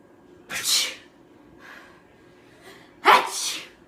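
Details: Two sharp, hissy sneezes performed for comedy, each a quick burst of air with a faint breath between; acted sneezes, not real.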